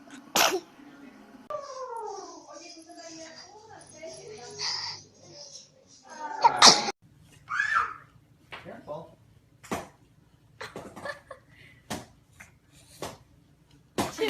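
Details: Several short, sharp newborn sneezes with small cries and adult voices between them, from a compilation of infant sneezes; frequent sneezing is normal in newborns and clears the nose, not a sign of illness.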